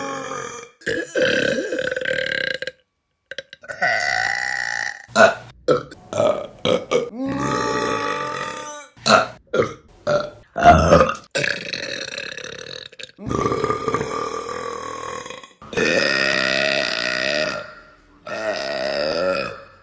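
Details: Woman burping; a long series of loud, drawn-out, croaking burps one after another; repeated belching.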